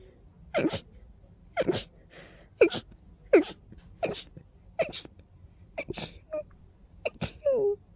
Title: Fast Teasing Sneezes